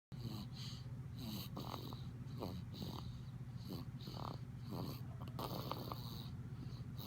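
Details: A baby of nearly 2 months with a cold, whom a doctor diagnosed with bronchiolitis, snoring and seeming breathless during sleep: rapid, noisy, snuffling breaths with squeaky whistling bursts over steady room hum.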